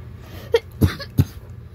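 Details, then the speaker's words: Three short, harsh coughs in quick succession from an adult who says they have pneumonia, diagnosed after an X-ray; cough. "I actually have P pneumonia right now and no I'm not chasing for cloud I'm actually sick"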